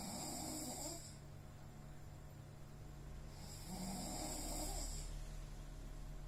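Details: A person snoring loudly in sleep from being very tired: two drawn-out, rasping snores about three seconds apart, roughly 20 breaths a minute, over a steady background hum.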